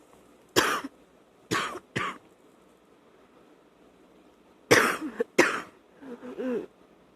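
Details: Wet cough at night on waking, with spitting up: five loud, rattly, productive cough bursts in two groups with quiet gaps, then a brief throat-clearing grunt.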